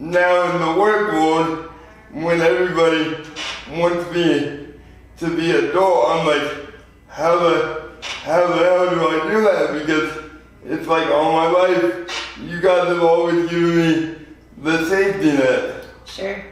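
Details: 24-year-old man with lifelong spastic quadriplegic cerebral palsy, born prematurely weighing 2 lb 4 oz; real patient; dysarthria (spastic, cerebral palsy).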